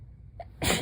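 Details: A short breath in, then one sudden, forceful sneeze from a very sleepy adult just woken from a nap; a normal sneeze.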